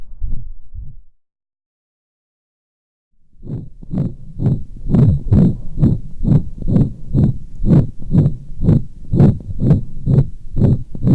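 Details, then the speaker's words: Dog with pulmonic stenosis, stethoscope over the pulmonic area, fast regular heartbeat about 128 a minute: rushing systolic crescendo-decrescendo ejection murmur that swells and fades each beat. "that was another systolic crescendo decrescendo or ejection type murmur this time from a dog with pulmonic stenosis"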